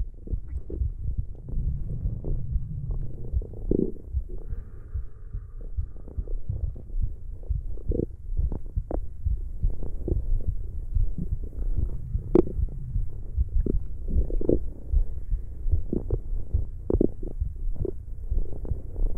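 Low rumbling and gurgling with frequent soft pops and squelches from the belly: stomach growling, normal bowel sounds.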